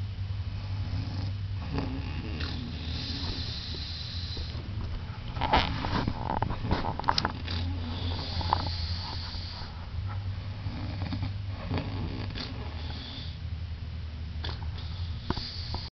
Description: my sister's snore picked up an odd steam whistle aspect